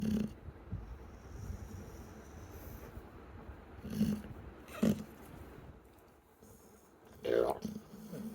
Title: How an American bully snoring while sleeping 💤 just like a pig 🐽 #dogs #puppy #shorts